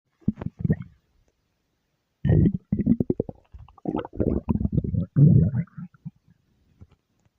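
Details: Doll's stomach growl: low gurgling and rumbling bursts with pulsing, bubbly sounds separated by quiet gaps, ordinary borborygmi.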